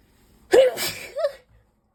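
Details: Sneeze induced with Chhinkni sneezing spray: a quick indrawn breath, then a single sharp explosive burst and a short trailing sound.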